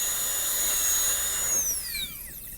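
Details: High, steady whine of a dental drill cutting a maxillary premolar class II box preparation near the adjacent tooth, slowing and falling in pitch as it stops; teaching class demonstration.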